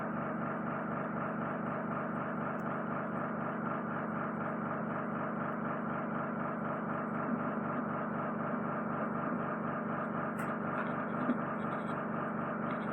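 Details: A steady droning suction hum with a faint pulsing flutter and occasional clicks: endoscopic microsuction with a Zoellner suction probe and a Jobson Horne, removing occluding ear wax from the left ear and semi-occluding wax from the right.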